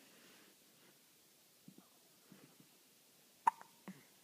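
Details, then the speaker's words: 5-day-old baby boy with hiccups: several soft, abrupt catches in a quiet room, then one sharp louder hiccup with a small vocal squeak. "five days old with hiccups"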